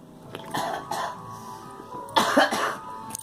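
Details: Several short coughs from a girl over steady background noise and faint music.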